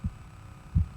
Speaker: so this is what a normal heartbeat sounds like ldb ldb those are the valves closing